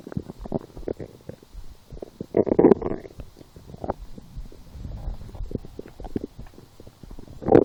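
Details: Irregular gurgling, bubbling and rumbling stomach sounds from a hungry person lying down after skipping breakfast, a small lunch and two doughnuts four hours later; stomach growling.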